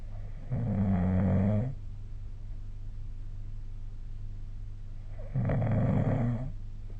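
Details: Two loud, rough, low rumbling snores about five seconds apart over a steady low hum: snoring during sleep, recorded with the SnoreLab phone app.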